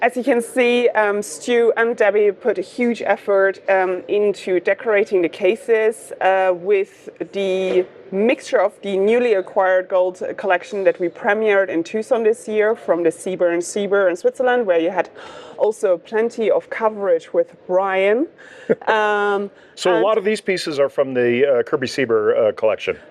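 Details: Adult woman speaking; normal voice.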